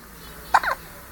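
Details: A little one with hiccups: a single brief, sharp, hiccup-like squeak against steady room noise.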